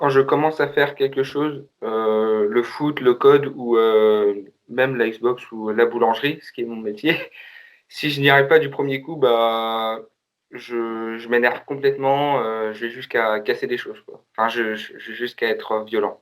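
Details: Man who says he often stutters when he speaks; stuttering.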